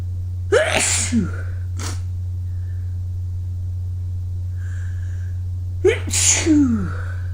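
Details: Two loud sneezes, each preceded by a rising intake sound, over a steady low hum; ordinary sneezing after an early-morning run in cold air.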